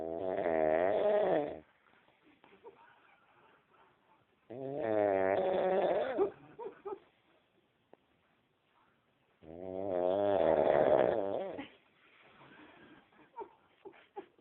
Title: Funny snoring 3